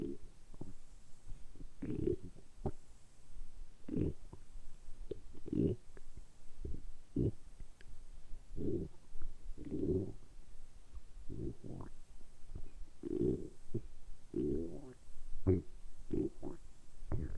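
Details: Stomach rumbling (borborygmi): repeated low gurgling rumbles roughly every second or two, deliberately produced during about ten minutes of continuous rumbling for an ASMR recording; ordinary bowel sounds.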